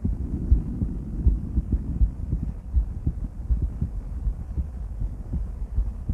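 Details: Female heart auscultated with different stethoscopes at Erb's point, mitral, tricuspid, aortic and pulmonic areas: steady low heartbeats about 80 a minute, clean between beats; normal heart sounds.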